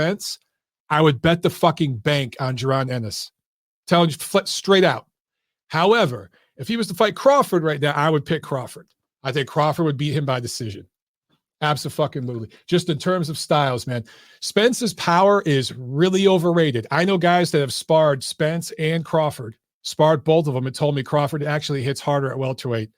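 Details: Adult male speaker; normal voice.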